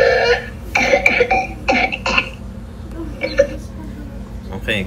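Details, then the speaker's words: Whooping cough (pertussis): a child's run of harsh, voiced, uncontrollable coughing bursts with strained breaths between. "it affects people of all ages but is especially dangerous and even fatal for young children and infants so the sound is like this"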